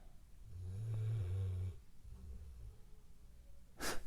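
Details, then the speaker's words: Dog sleeping: low, rumbling snore with a quieter breath after and a sharp click at the end: snoring. "hear my dog snoring away"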